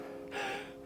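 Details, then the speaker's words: Adult with pectus excavatum, possibly asthma, gets a wheeze after running or cardio, especially on cold days: brief forceful breath in with a faint whistling tone; inspiratory wheeze, possibly from pectus pressure on the lungs. "Sometimes when I go for a run or do heaps of sort of cardio stuff, especially on cold days, I have a little wheeze that happens in my voice."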